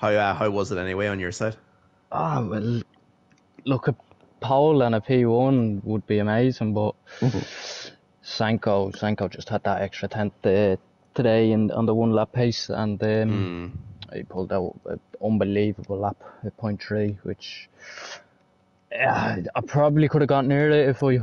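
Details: Adult male speaker; normal voice.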